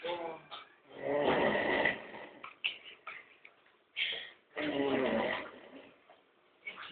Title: roncando